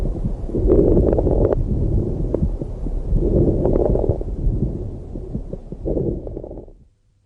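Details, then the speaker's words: Child lung auscultation example: noisy, rattling breath sounds with coarse crackles and low rumbling over several breaths, consistent with adventitious sounds such as rhonchi, wheezing and rales. "the breath sound can be accompanied by various abnormal respiratory sounds like rhonchi wheezing rails and coarse rails as a few examples here are a few sound examples"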